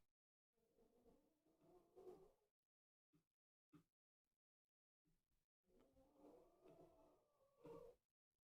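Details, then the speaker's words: Old female dog snoring while asleep, heard in the background of a live stream recorded at 10 o'clock: snoring. "Do you guys hear the the dog snoring? It's already 10 o'clock."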